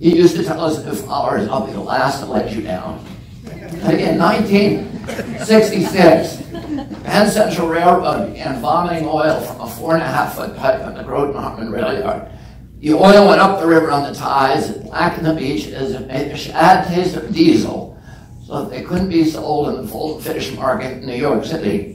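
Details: Adult man with spasmodic dysphonia (self-described as spasmodic dystonia), onset at age 42 after a previously strong voice; he says the voice tremble lessens or goes away after speaking a while.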